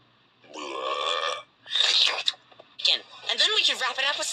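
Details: Cartoon yeti character burping: several short, voiced, gurgling belches in quick succession.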